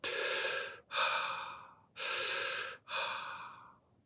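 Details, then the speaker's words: Breathwork practitioner demonstrating hyperventilation: deep, forceful, audible breaths in and out, two full cycles in about four seconds, breathing more air than needed. "Et pour les personnes qui le sauraient peut-être pas, l'hyperventilation, c'est le fait, comme son nom l'indique, de ventiler, donc de respirer plus d'air que nécessaire."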